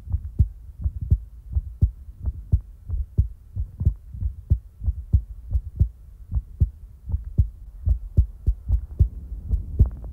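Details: Real-time heartbeat ASMR recording: steady, even, regular paired heartbeat thumps at about 80 beats a minute; a normal heartbeat.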